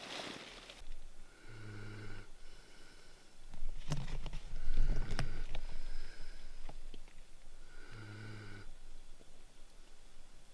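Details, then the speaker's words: A dog asleep in a truck at 5:30 a.m. on a winter camping trip gives a few low, buzzing snores spaced several seconds apart, with faint rustling and quiet room noise: snoring. "It's 5:30. Mr. Scooter's snoring away, as you can hear."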